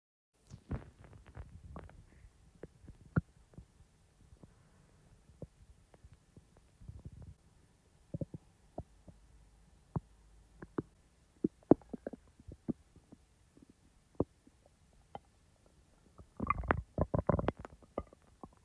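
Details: Scattered gurgles, pops and short rumbles with a louder bubbly burst near the end: a person's real, normal digestive bowel sounds (borborygmi), recorded when the stomach was active, not in real time.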